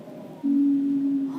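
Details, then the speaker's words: Asthma patient's breathing: steady, low, musical whistling tone about a second long over faint breath noise, described as wheezy, rough breathing from swollen, narrowed airways; wheeze. "천식 환자는 호흡곤란 기침 천명 등의 증상을 보이는데요이 천명이 방금 들으신이 쌕쌕거리는 거친 숨소리입니다"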